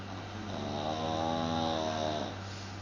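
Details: Dog Buster snoring during sleep: one long, rattling, buzzing breath through the nose and throat; an ordinary dog snore.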